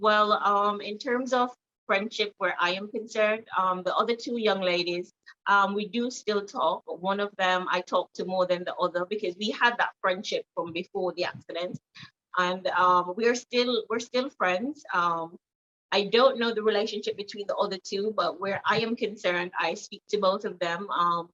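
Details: Jamaican woman with foreign accent syndrome after a major car accident with head trauma causing a stroke and brain swelling; accent shifted from American to Trinidadian to British; neurologist attributes it to brain damage, not fixable; also reports memory loss.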